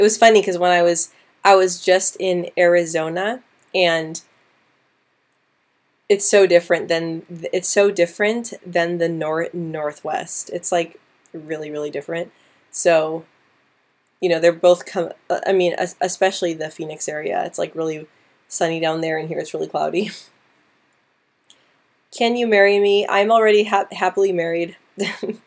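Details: Young woman who stutters, speaking live with a part-word repetition on 'molasses'; stuttering.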